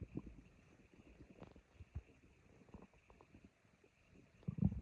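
Faint low gurgles and rumbles with a louder burst at the end; ordinary stomach growling.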